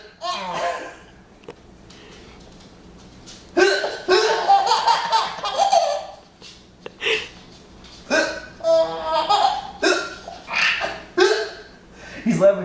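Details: Baby hiccupping while laughing: laughter broken up by abrupt, catching hiccup sounds.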